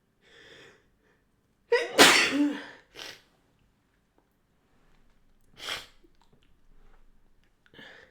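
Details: Woman with an injured collarbone and ribs from a BMX fall, inducing sneezes despite pain: a sharp inhaled gasp then one forceful, noisy sneeze, followed by a few softer breathy sounds.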